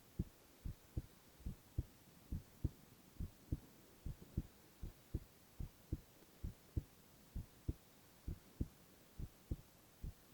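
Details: Male (boy) heart sounds in a silent, no-talking ASMR recording: steady paired lub-dub heartbeats, about 94 a minute, with a faint hum behind them; normal heart sounds.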